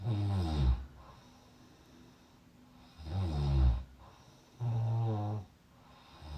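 Three loud, deep, rattling snores with quiet pauses between, about 20 a minute; ordinary heavy snoring.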